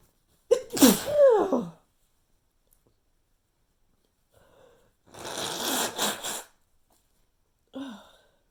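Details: Sneezing fit from a persistent nasal tickle that gave only weak, unsatisfying sneezes: a quick double sneeze with a voiced catch, then a softer, drawn-out sneeze and a small final gasp.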